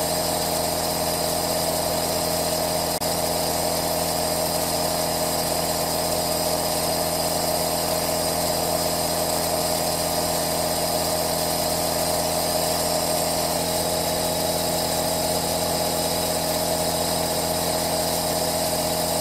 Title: ASMR Aerosol 3D | 10H Best noise to relax - Asmr aerosol nebulizer